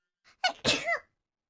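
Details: A female Japanese VTuber sneezing during a livestream: a short in-breath, then a sharp explosive burst trailing into a voiced ending; a single sneeze.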